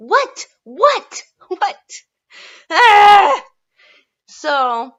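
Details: Adult woman who suspects undiagnosed seasonal Tourette's, with episodes recurring in late fall or winter; vocal tics including grunts, squeaks, barking, whistling and recently repeated "what"; vocal tics.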